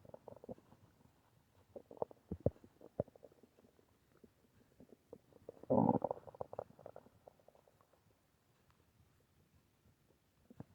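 Low gurgling and rumbling from the belly with one louder growl midway; ordinary stomach growling, a normal digestive sound.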